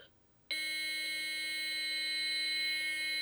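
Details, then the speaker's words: Adult AED training demonstration with one rescuer: after "Shock advised. Charging. Everyone stand clear," a loud, steady, high-pitched tone sounds without a break, meaning the AED is charged and ready to shock. "Shock advised. Charging. Everyone stand clear."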